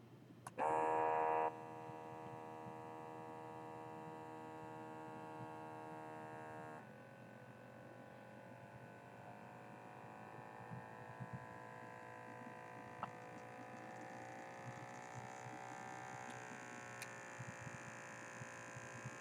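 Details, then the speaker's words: Automatic blood pressure cuff inflation on an adult man, whose earlier reading flagged an irregular heart rate: a short start beep, then a steady motor hum as the cuff pumps up. "so I'm going to take my pressure one last time and then I'll close us off"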